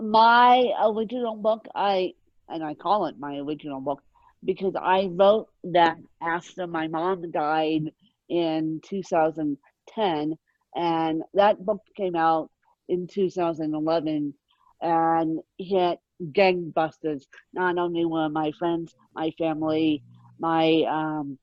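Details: Adult woman with moderate, mid-spectrum ataxic cerebral palsy present since birth, caused by lack of oxygen at birth; ataxic dysarthria (cerebral palsy).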